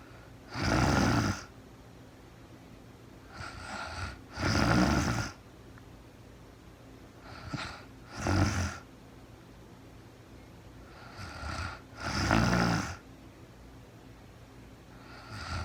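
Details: Real-time recording of a woman asleep at night after being very tired, no talking, described as REM sleep: repeated rough, rattling snores with each breath, about 16 a minute, some softer, over quiet room hiss; snoring.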